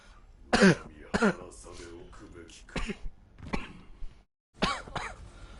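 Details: Hard coughing: about six harsh, forceful coughs and throat-clearing bursts in quick clusters separated by short pauses.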